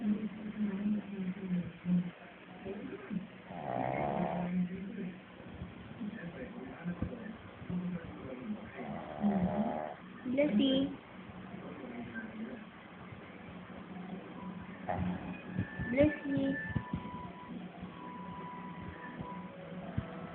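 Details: Female pet dog, whose snoring is louder than a man's: two rough snoring breaths, then quieter breathing and faint room noise; snoring in a sleeping dog.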